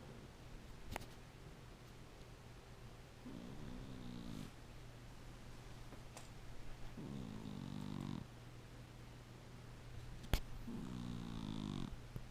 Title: rolledwide: gizmo snoring like my trees ( loud af )